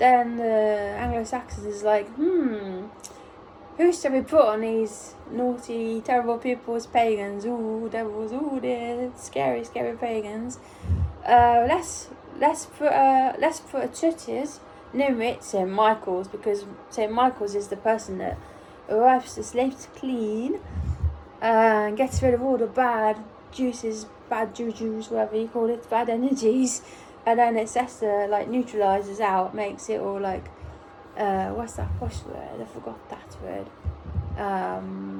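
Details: Apraxia of speech in an adult almost one year after a ruptured brain aneurysm, during brain injury aphasia recovery.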